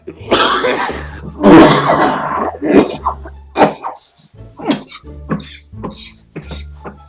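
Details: Adult coughing, from a compilation of nearly five minutes of coughing: loud, rough coughs and throat clearing, then shorter bursts, with music playing underneath.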